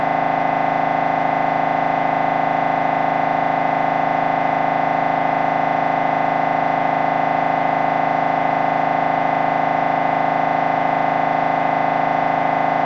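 Loud, steady, rapid mechanical buzzing drone with a fixed pitch, typical of an MRI scanner running a brain scan sequence.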